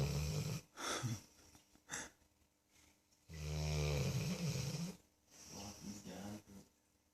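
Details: Sleeping dog with very loud, house-shaking snoring: loud, rough, rattling snores with long fluttering breaths and pauses between them, in a quiet room.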